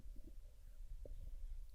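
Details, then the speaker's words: Stomach growling from an adult who just woke up and hasn't eaten yet; borborygmi. "can you hear my stomach growling"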